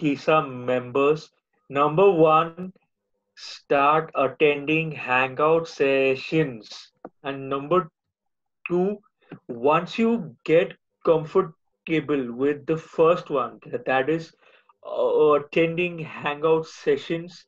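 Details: Adult male speaker; speech.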